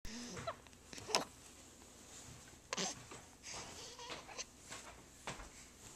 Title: Baby Hiccups.MP4